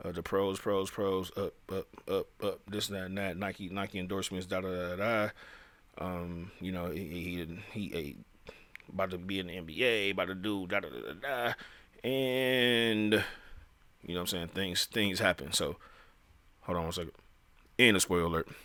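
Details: Male speaker who says he stutters, speaking with repeated phrases; stuttering.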